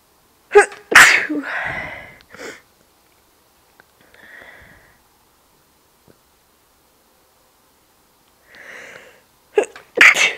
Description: Yeah, me sneezing.